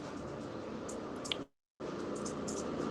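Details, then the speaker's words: Soft continuous fine crackling rustle with a brief pause, imitated by rubbing hair to demonstrate crepitant crackles, mostly seen in pneumonia: crackles (imitated). "si usted intentara frotar su cabello. Más o menos así se escucha y mayormente se ve en la neumonía."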